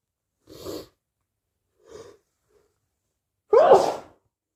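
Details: Two soft, muffled cold sneezes, then a louder, forceful wet sneeze; sneezing with a cold.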